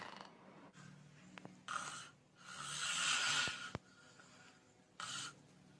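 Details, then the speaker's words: Loud, harsh snoring in uneven bursts with one long loud burst and quieter gaps, played as an example in a talk on snoring and its complications such as breathing interruptions, and described as dangerous and needing a doctor's review. "ده الصوت المخيف. ارجوكم السيده اللي زوجها جنبها بينام بالليل بهذا الصوت، او الزوج اللي زوجته بتنام بهذا الصوت، هذا الصوت خطير."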